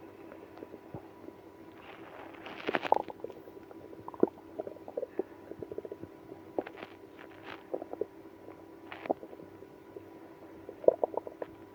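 Quiet room with scattered gurgles, squeaks and rumbling bursts from the belly: active bowel sounds, stomach growling.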